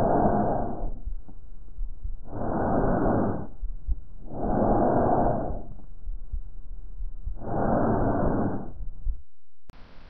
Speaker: árbol respiratorio tiene el mismo carácter durante la inspiración y expiración y se oye como un sonido marcado en la laringe y en la tráquea sobre el esternón este fenómeno No se oye en los pulmones sanos